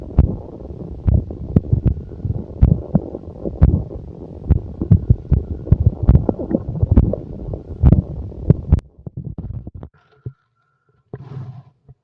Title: the sound stomach growling versi exotic